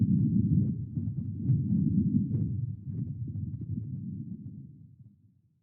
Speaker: the auditory element consists of developing hearing through implementing spatial audio with filtering volume and frequencies with both intrauterine and extra uterine sounds being played such as heart rhythms body fluids and voices of the mother all together with traffic and other external noise from the surrounding environment